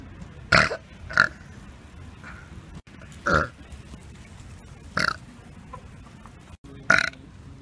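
Five loud, brief burps spaced a second or more apart over quiet background noise.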